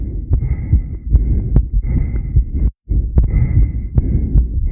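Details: Heart sounds recorded during a long breath-hold (10-lead recording): regular low heart thumps at about 74 beats a minute over a steady background hum; person asks whether the heart is normal.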